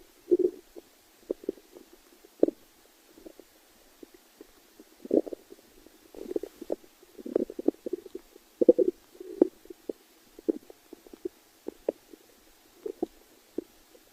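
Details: Irregular low gurgles and rumbles from the belly from gas and fluid moving through the gut: stomach growling (borborygmi).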